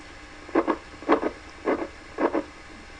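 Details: Needle EMG loudspeaker audio on a Natus Synergy system as recording starts in a new muscle, pronator teres, with signals auto-acquired into a 20-second live play buffer.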